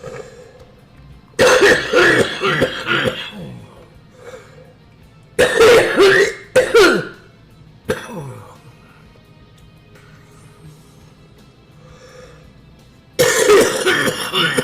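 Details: Streamer, possibly a smoker, has a coughing fit live: harsh, forceful coughs in several clustered bursts over faint background music.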